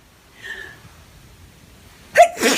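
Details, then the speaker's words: A woman, possibly sick with flu, sneezing repeatedly in the morning and unable to stop, sneezing onto her phone: a quiet inward breath, then a sharp burst and a second noisy blast of air. "Good morning to me, not being able to stop sneezing. What? Just sneezed all over my phone."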